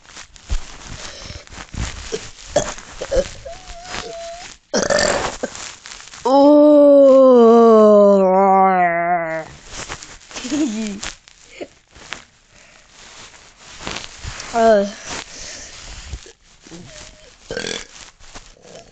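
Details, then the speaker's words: Voluntary burping, deliberately attempting the biggest burp after trying all morning: one long, loud, tonal burp lasting about three seconds, with shorter throaty sounds around it. "oh tell you there's going to be a big burp that's for sure there it is"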